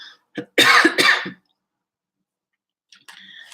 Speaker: my throat feels as you can probably hear it feels it you can probably hear it a bit croaky